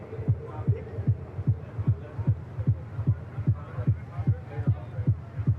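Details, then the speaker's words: Female cliff diver's live heartbeat from a strapped-on heart-rate device, played over a PA just before her competition dive: rapid, steady low thumps at about 150 a minute, sinus tachycardia. "This is her actual heartbeat right now as she's getting ready to dive. We'll have to see. Does it go up? Does it go down?"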